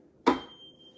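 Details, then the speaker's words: Weber test on a male patient: a sharp tap, then a steady, thin ringing tone from a struck tuning fork placed on his forehead. He heard it equally in both ears, so the test was negative. "So for Weber test, I'm gonna use my tuning fork, and I'm gonna produce a vibration in this one, and then I'm gonna put it on his forehead."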